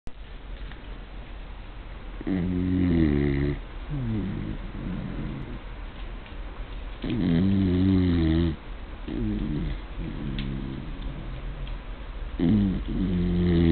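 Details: Snoring: loud, rumbling, fluttering snores with each breath in and out, about 12 breaths a minute.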